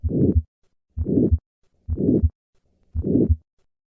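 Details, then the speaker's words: Aortic stenosis, taught as a harsh diamond-shaped systolic murmur heard best at the second right intercostal space with the diaphragm: a regular heartbeat of about 62 a minute, each beat followed by a harsh rumbling systolic ejection murmur. The murmur may also be heard at the apex with a higher pitch. "In some patients, the murmur of aortic stenosis may be heard at the cardiac apex with a higher pitch."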